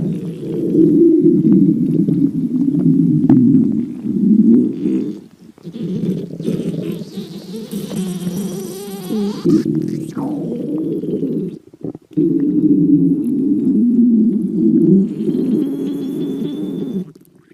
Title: Girlfriend's stomach growling